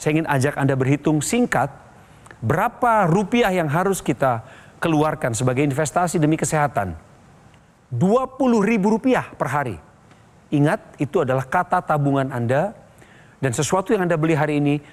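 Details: Adult male narrator; Normal speech.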